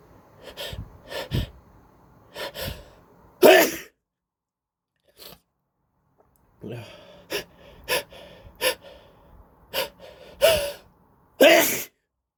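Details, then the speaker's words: Person with a head cold sneezing in bouts, sharp sneezes preceded by sniffing, wheezy inhalations, saying "excuse me, I'm gonna sneeze again"; repeated sneezing. "Excuse me. Oh. Excuse me. Excuse me. I'm gonna sneeze again. Gosh."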